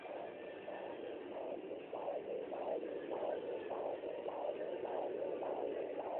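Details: Rapid, regular whooshing fetal heartbeat on Doppler, about 120 beats a minute, within the normal range: normal fetal heartbeat.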